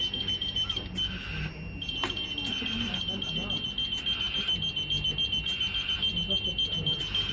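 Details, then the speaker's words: Neonatal SLE2000 mechanical ventilator: continuous high-pitched electronic alarm with rapid pulsing beeps over quiet talk as alarm limits are widened (high to maximum, low to minimum) before setting pressures; ventilator pressure alarm. "تبعدهم بمعنى ايه؟ ابعدهم يعني خلي ده على الماكسيمم وده على المينيمم عشان اقدر اظبط براحتي من غير الارم."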